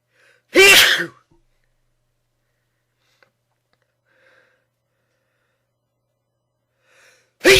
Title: Loud sneezes